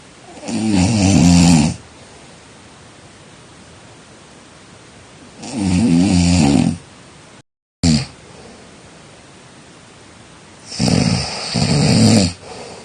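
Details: Snoring during sleep: loud rattling snores on each inhalation, about 12 a minute, with a steady background hiss between.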